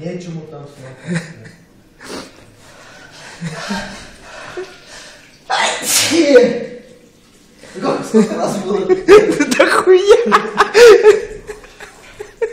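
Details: Man's repeated loud explosive sneezes with sharp intakes of breath after clearing his nose with kalanchoe, amid laughter and room chatter; sneezing.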